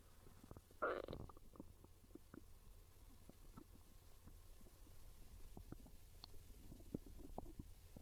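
A low rumbling gurgle followed by soft bubbling and popping gut sounds: ordinary hunger stomach growls.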